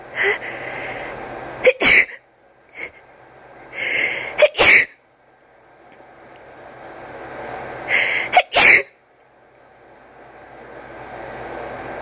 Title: Intense sneezing with a few epic buildups